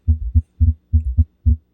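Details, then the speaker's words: Three clear lub-dub pairs, about 100 a minute, with no extra sounds: normal first and second heart sounds (S1, S2) played as a teaching example alongside a phonocardiogram, before S3 and S4. "So what we're going to do now is we're now going to listen to the S1, S2 sounds followed by the S3 and then S4 sounds as it lays out within the phonocardiogram. So here's S1, S2."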